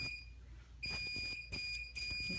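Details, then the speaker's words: Dermatology office procedure by a board-certified dermatologist: steady high-pitched electronic tone, on and off, electrosurgical device buzzing during electrodesiccation of the wound. "careful my foot buzzing noise you're going to hear just it a little bit"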